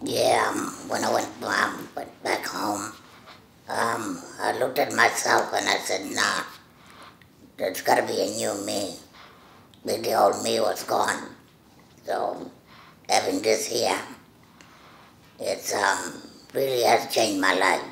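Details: Tracheoesophageal speech through a speaking valve in the stoma in an adult Indigenous Australian woman whose voice box was removed in 2014 for throat cancer, treated with radiation; valve use taught by her speech therapist.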